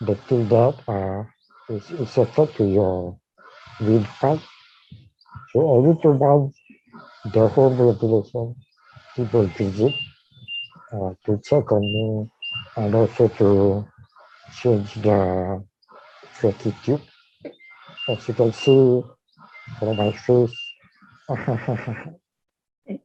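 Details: Dysarthria in a man with ALS, diagnosed in 2018, with a tracheostomy placed in late September of the previous year.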